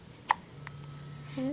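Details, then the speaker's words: A baby girl gives a single brief, sharp hiccup and a softer second one, then a faint infant vocal sound in a quiet room; hiccups. "the hiccups oh man I'm stinking hiccups"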